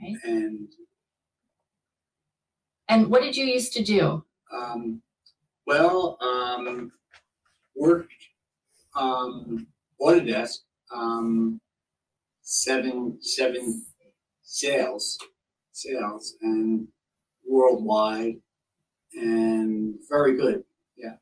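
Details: Patient with aphasia caused by a stroke, fluent but meaningless speech; Wernicke's (fluent) aphasia.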